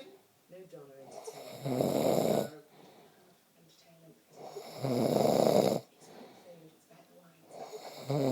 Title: My snoring drives my girlfriend crazeeeee